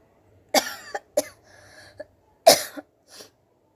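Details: Three short, dry coughs with throat clearing in a quiet room, brought on by tickling the nose with cotton buds to try to sneeze; the person says it causes coughing, not sneezing.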